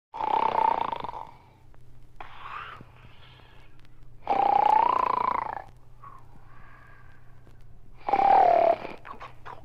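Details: Snoring during sleep: three loud, rough, tonal snores about four seconds apart, with quieter breaths between them.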